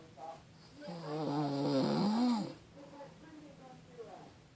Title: My grandma snoring